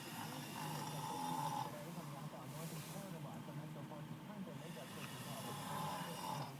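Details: Adult man snoring while asleep in his truck: low, rough, rumbling snores over a steady background hiss.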